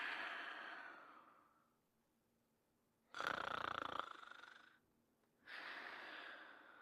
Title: Fafa's Greatest Adventures (1988-1989): Sleeping and Snoring in 1 Minute and 8 seconds